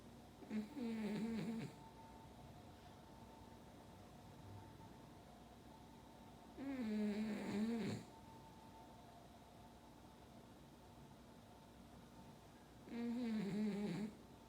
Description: いびきだけの映像です（笑）